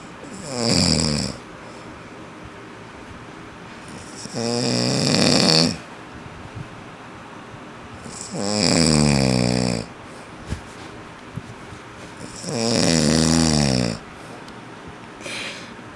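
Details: A father snoring loudly, as he is known to do; four loud, rattling snores on each in-breath, about every four seconds (roughly 15 breaths a minute), with quiet between; snoring.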